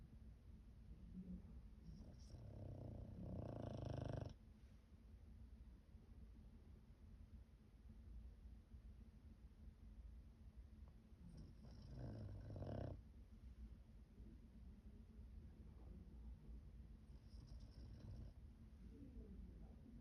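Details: Snoring in a sleeping elderly pug with worsening dog dementia: three loud, rough snoring bursts over twenty seconds, with quieter noisy breathing between them.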